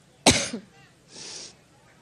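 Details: A woman, campaigning on stage in Cleveland on 9/5/16, gives one sharp, harsh cough followed by a breathy exhalation. She attributes it to an allergic reaction, and it is called another coughing attack.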